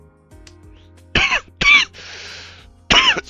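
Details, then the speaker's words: Adult coughing while playing an online game: three sharp, voiced coughs with a rough breathy sound between them, over quiet game music. "I really I don't have enough hands to control the mouse and mute myself and cover my mouth when I cough all at the same time."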